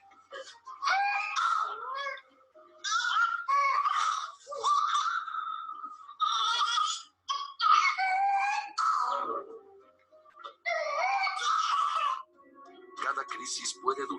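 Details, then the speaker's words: Cough of an infant with pertussis: paroxysmal coughing with high-pitched, strained crowing breaths between; whooping cough, most severe in infants under six months not fully vaccinated. "escuché el sonido de las dos de un infante con pertussis"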